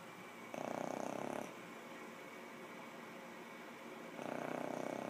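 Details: Gentle snoring during sleep: two soft, fluttering, purr-like snores on the in-breath about 3.5 seconds apart over faint background hiss.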